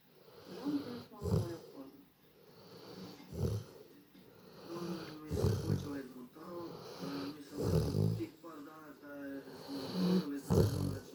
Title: meh dog snoring